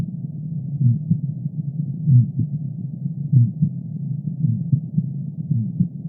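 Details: Muffled, slow heartbeat with a soft, humming, musical murmur between the beats; a functional (innocent) flow murmur, presented for comparison with normal heart sounds.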